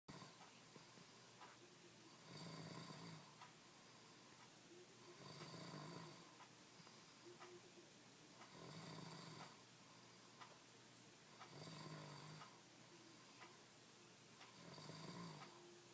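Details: Husband snoring: loud, rasping, buzz-saw snores on each breath in, about 20 a minute, with a steady room hiss behind them.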